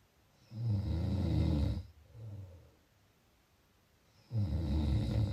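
Deep, rattling snores on the in-breath with a quieter out-breath and a pause; loud snoring.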